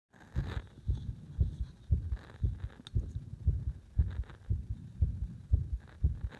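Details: Arrhythmia induced by gradually increasing compression on the heart: low thumping heartbeat near 118 a minute with somewhat uneven spacing.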